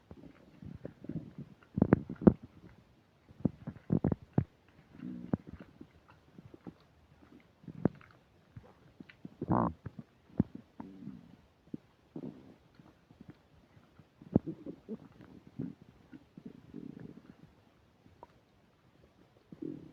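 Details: Frequent loud gurgles, squeaks and rumbling bursts from the stomach while eating a burger and fish fries, described as upset digestion; active bowel sounds, borborygmi, recorded on a new mic with occasional static.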